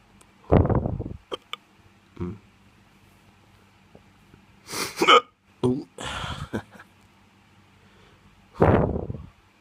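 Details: Drunk hiccups: several abrupt, short voiced gulping bursts separated by quiet gaps in a small room.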